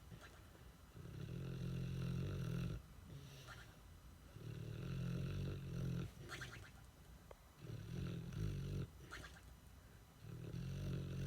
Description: Murphy the Boxer sleeps real hard and snores like a full-grown man with a funny twist.